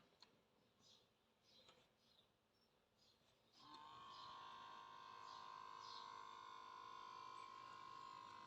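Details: Omron M2 Basic automatic upper-arm blood pressure monitor: faint clicks, then a steady electric pump whine as the cuff inflates after pressing start, in a quiet room; the reading of blood pressure and heart rate takes 10–15 seconds.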